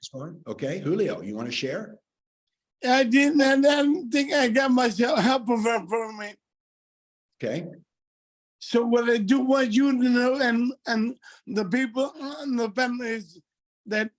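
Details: Adult man with multiple system atrophy affecting his speech and gait; dysarthria.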